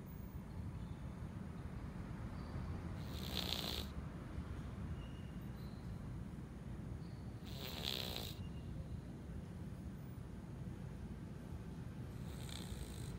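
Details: Loud snoring from a sleeping cat: hissing snorts about every four to five seconds, roughly 13 breaths a minute, over a steady low background rumble.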